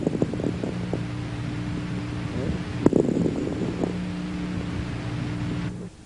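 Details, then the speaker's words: Clusters of fine, dry crackling clicks over a steady low hum: velcro-type dry crackles of interstitial lung disease, to be told apart from alveolar-filling crackles mainly by clinical findings. "en las enfermedades del ínter ticio pulmonar se ocultan estertores secos tipo velcro que deben diferenciarse de los crepitantes de ocupación alveolar y esto se logra más por la clínica que por la ocultación pulmonar"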